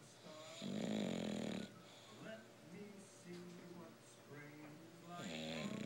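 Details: Sleeping bulldog, called a very mild dose of its usual snoring: loud snorting snore, then softer whistling, groaning breath sounds, then another snore; snoring.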